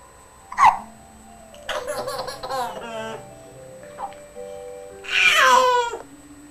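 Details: Infant twin hiccuping while watching TV: a brief sharp hiccup, then the other baby twin's bursts of laughter and squeals, with a second short hiccup catch. Infant hiccups.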